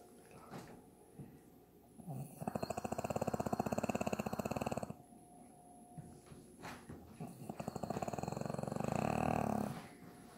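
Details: Woman snoring: two long, fluttering, rattling inspiratory snores separated by quieter breathing pauses, about twelve breaths a minute.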